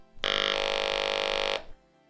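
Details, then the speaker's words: Electrolarynx with a worn-out foam ring: steady mechanical buzz about 1.3 seconds, muffled and excessively buzzy compared with a properly working device; muffled, buzzy electrolarynx tone. "Having a bad phone ring can impact the sound quality of your electrolarynx. This is what a device sounds like when it is muffled or has excessive buzzing."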